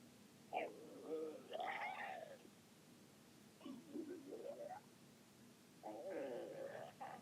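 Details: Stomach growling (borborygmi): three drawn-out, wavering, pitched gurgling growls in a quiet room, typical of ordinary stomach rumbling.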